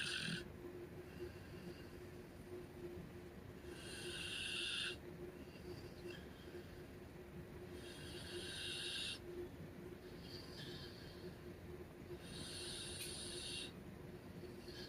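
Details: Puppy/dog Cleo snoring very loudly during sleep, only the tail end recorded: loud rasping snores about every four seconds, roughly 14 a minute, over steady room hum; ordinary snoring.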